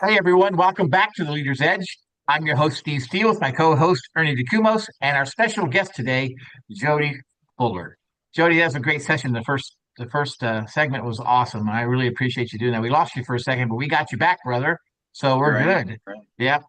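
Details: Adult male speaker; typical speech.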